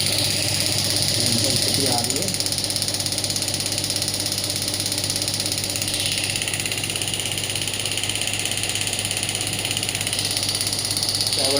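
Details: Biotronix pneumatic radial shockwave therapy device (ESWT, 5–12 bar range) running on the demonstrator's hand at a low setting of about 4–6 bar. Rapid continuous rattling taps, about 200 per minute, with a hiss.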